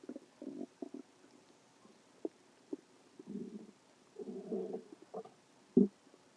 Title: stomach growling 1